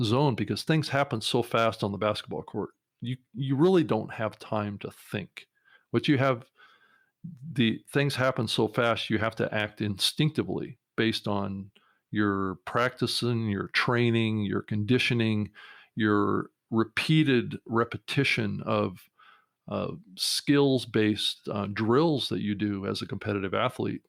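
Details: Adult man stuttering since childhood, still hesitating and substituting words, with trouble starting or ending sentences smoothly; stuttering.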